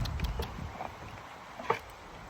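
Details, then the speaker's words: Horse abdomen auscultated by quadrant during vital-sign assessment: soft watery gurgles over a low rumble, normal gut sounds (borborygmi) showing active movement. "that one is definitely a gurgling sound which is quite normal"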